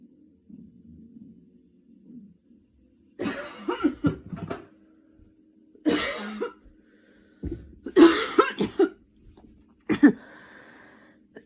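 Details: Person still sick with a cold and recent fever, using an inhaler: four bursts of harsh, wet-sounding coughing separated by pauses, with soft breathing between.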